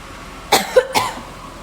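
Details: Adult woman, set off by the smell of someone's cooking, gives two short, sharp coughs about half a second apart and afterwards keeps sneezing; cough.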